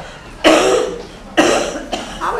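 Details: Adult simulating a chronic lung disease patient gives two harsh, somewhat loose productive coughs, reportedly bringing up green and yellow sputum.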